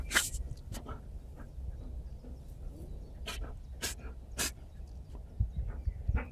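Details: A dog sneezing: several short, sharp bursts of air repeated against a low background rumble.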